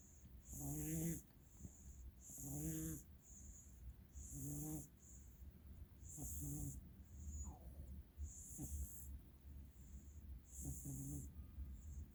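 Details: Sleeping cat with very bad allergies snoring: rhythmic low rumbling snores with each breath, about six in twelve seconds, over steady room hiss.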